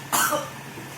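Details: A single short, harsh cough burst in a quiet room from a man with a cough of 2 years despite medical treatment, normal X-ray and normal checkups, recorded during a ruqyah healing session.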